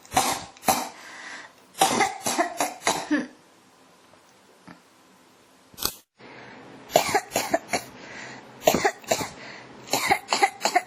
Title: 咳が止まらない 1～28 cough